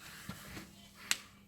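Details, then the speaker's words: Knee clicking while walking around a museum: one sharp, crisp click over quiet room noise; joint crepitus. "that's the sound of my knee clicking."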